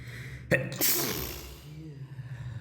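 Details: Single explosive sneeze after a sharp inhaled catch, part of a sneezing fit caught while climbing stairs, recorded in a stairwell with strong hard-walled echo.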